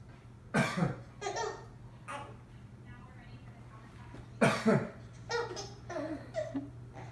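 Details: An adult man gives two loud, harsh cough bursts, each with a quick double push, while a baby giggles and squeals in between over a low steady hum; cough.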